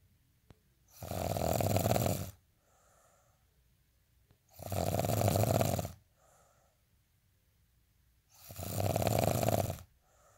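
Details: Ordinary snoring: loud, rough snores on each in-breath about every 3.7 seconds (roughly 16 a minute), with quiet out-breaths between.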